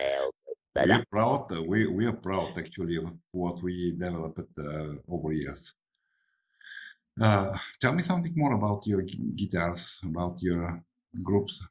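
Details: Adult male speakers in conversation; plain speech.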